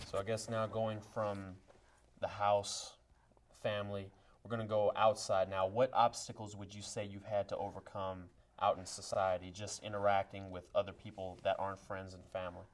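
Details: Adult male speaker; typical speech.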